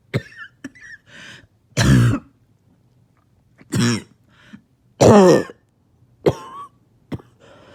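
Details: Barking cough that has kept the person from sleeping for about 2 days: several harsh, hoarse cough bursts with throat clearing between them.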